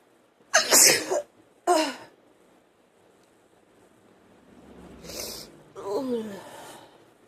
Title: Sneezing, coughing nose blowing